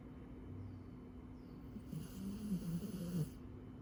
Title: Dog snoring 犬のいびき